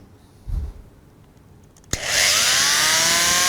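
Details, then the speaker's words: A click, then a loud, steady high-pitched whirring buzz: an oscillating cast saw switched on to remove a short arm cast, blade vibrates so it won't cut skin; orthopaedic demonstration for medical students. "เครื่องตัดจะทำงานในลักษณะของการสั่นดังนั้นเมื่อใบเลื่อยไปสัมผัสผิวหนังของใครจะไม่บาดเข้าไปในผิวหนังของไข้"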